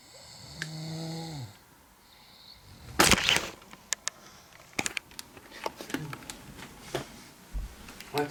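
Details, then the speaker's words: Sleeping girl snoring: a single drawn-out, buzzing tonal snore that drops in pitch at the end, followed by rustling and clicks in a quiet room. "Okay, so I know this girl is snoring, sleeping. As you can hear."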